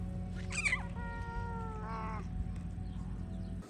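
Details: Hoarse, broken-sounding meow of an 11-year-old male shelter cat who meows frequently to ask for petting; the shelter reports no other health problems.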